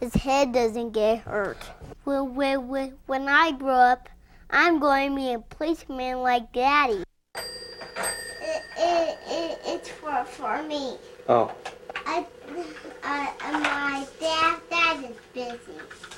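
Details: Young child who stutters, with word and part-word repetitions; stuttering.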